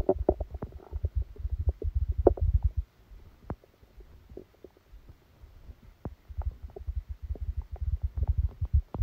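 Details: Stomach sounds recorded during a stomachache after Christmas dinner while the person slept: frequent low gurgles and rumbling in bursts with brief quiet gaps; active bowel sounds.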